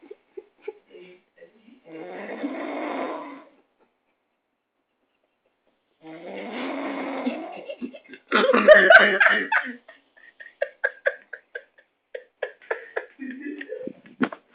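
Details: Person asleep at a friend's house: two long, rattling snores on the in-breath, then laughter and scattered clicks from someone nearby; snoring.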